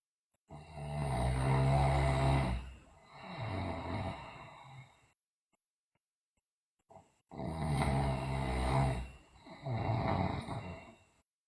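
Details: Loud snoring from a sleeping girl, deep rough buzzing snores on both inhalation and exhalation, two full cycles separated by a pause.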